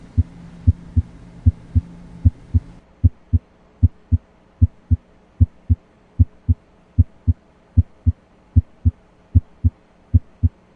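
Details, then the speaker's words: Normal heart sounds, auscultated systematically with the diaphragm at the aortic, pulmonic, left lower sternal border and apex areas; S1 loudest at the apex, S2 loudest at the base. "specific sounds that are heard loudest at certain locations again S1 is loudest at the Apex and S2 is loudest at the base of the heart"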